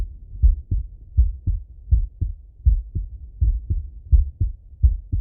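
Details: Male heart auscultated with a stethoscope, recorded partly sitting at a desk and partly lying in bed: regular paired lub-dub at about 80 beats a minute with no extra sounds; normal heart sounds.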